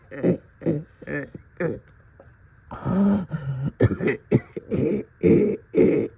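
Repeated deep, throaty coughs, about ten in quick succession with some throat clearing, a congested wet cough with chest congestion.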